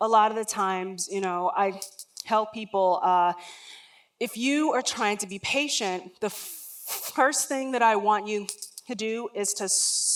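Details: Adult woman, a lifelong stutterer, speaking during a talk; real, not acted: stuttering.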